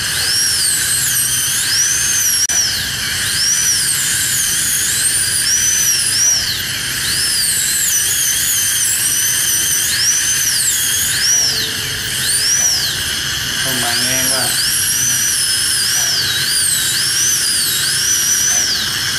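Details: High-speed dental drill during tooth core preparation with a gingival protector; a continuous high-pitched whine rising and falling as the bur cuts, with music in the background.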